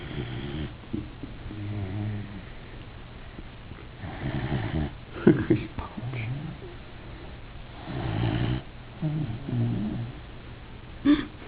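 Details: Rough, snorting snores and low grumbling breaths from a sleeping Weimaraner dog, with voices talking in the background: snoring.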